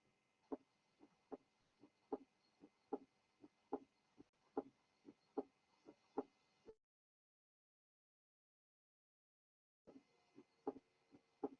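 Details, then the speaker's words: Regular heart sounds near 75 a minute on a teaching recording, with the second sound heard as two close, separate clicks. The split is occasionally removed for comparison. This is a widely split second heart sound, e.g. in pulmonary hypertension. "Ok. Entonces, chicos, ese era un ruido, un segundo ruido más amplio. Eso se da, por ejemplo, en hipertensión pulmonar."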